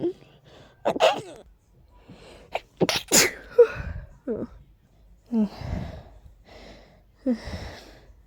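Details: Several breathy, stifled sneezes, each led by a quick catching inhale, in a quiet room; allergy-related sneezing from a tickly nose with allergies acting up.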